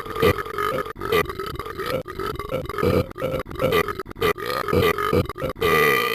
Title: burps a lot